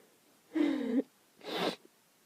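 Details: Girl allergic to dogs during an allergy attack in a car with a dog: voiced sharp intake, then a forceful breathy burst, a single sneeze.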